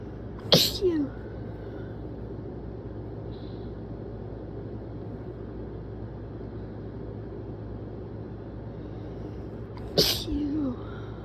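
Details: Person's desperate sneezes, not from allergy or a cold: two forceful sneezes about ten seconds apart, each a sharp burst with a brief voiced tail, over steady room hum.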